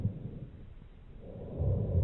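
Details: Rhonchi heard through a stethoscope over the chest: low-pitched, rumbling, snoring-like breath sounds arising in the large airways, as seen in bronchitis.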